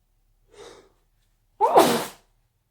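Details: Induced sneezing fit: short in-drawn breath followed by one loud, explosive sneeze.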